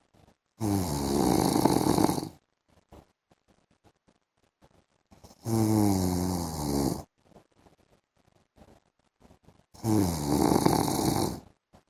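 Three long, loud, rattling snores, about every four to five seconds: snoring in sleep.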